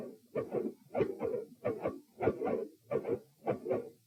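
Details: Heart sounds slowed down, recorded at position P with patient supine: four sounds, both S1 and S2 split into two close components.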